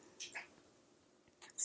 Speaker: if you hear that that's just my cat sneezing he's gross I love him anyway